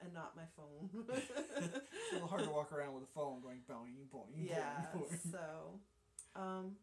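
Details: Adult speaker; normal voice.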